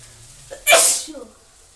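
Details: One sharp, loud, hissing sneeze after a short in-breath, a single sneeze during an outdoor sneezing challenge.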